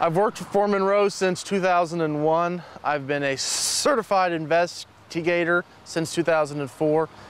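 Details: Adult male police detective who has stuttered since childhood, more noticeable as he has aged; stuttering.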